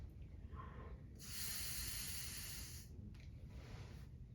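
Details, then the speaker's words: Strong, steady blowing hiss of about two seconds, with quieter breaths around it: forced exhalation through an expiratory muscle resistance trainer, with the cheeks supported so all air goes into the device. "so you can apply a little bit of pressure towards your face just to settle your cheeks better so all the air is expelling into the device"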